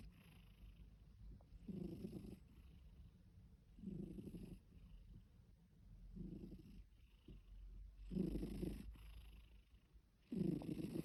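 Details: Ginger cat snoring while asleep: soft, purring snores at about 28 a minute, with gentle rumbling puffs on each breath.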